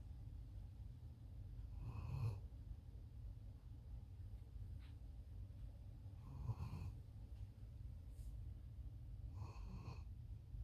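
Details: Dog snoring: three soft, rasping snores, about one every four seconds, over a steady low room rumble.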